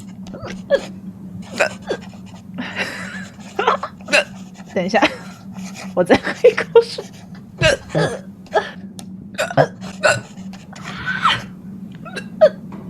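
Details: Hiccups in a Chinese-speaking female streamer: repeated abrupt, gulping catches of breath recur through the clip between quiet speech.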